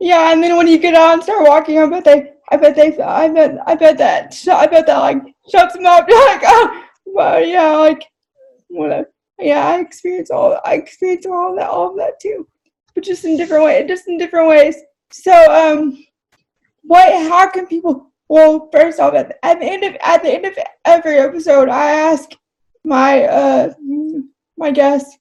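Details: Dysarthria in an adult woman with cerebral palsy, who says talking takes a lot of effort for her.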